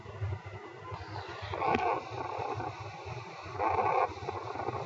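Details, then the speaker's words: Teaching example of rhonchi (sonorous wheeze), linked to secretions obstructing the airways: low, rumbling, snoring-like breath sounds over the chest; rhonchi. "the differences between ronai Sous sounds and weent sound is that ronai is typically associated with the secretion that are obstructing the lung Airways causes of ronai chronic obstructive pulmon disease also cause and this is example of the snow Rus wh or the wrong kind"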